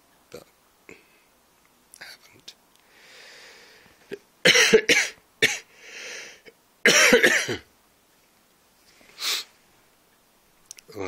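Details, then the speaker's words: Two loud harsh cough bursts from an adult with a cold, who reports sweating and sneezing for hours, with quieter breathy sounds around them in a small room. "there we go. We have a cough."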